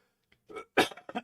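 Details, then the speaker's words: Adult still sick from a recent illness, reportedly coughing up blood and taking antibiotics, coughing during a livestream: a quick cluster of two or three short, husky coughs in a small room. "apologies for the coughs and they uh are probably going to be relatively frequent thankfully uh whiskey doesn't interact with antibiotics so it's fine"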